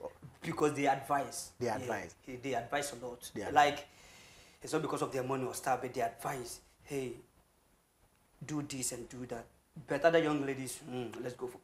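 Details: Adult male who has stammered since birth, a family trait shared with his grandfather and relatives, severe and worst on words starting with K or T, with breaks in speech but smooth when rapping; stuttering.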